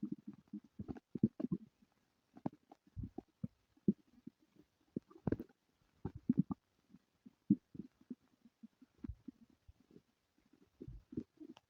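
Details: Scattered soft gurgles, squeaks and low bubbling pops in a quiet room; borborygmi of a rumbling stomach, with diarrhea and flatulence.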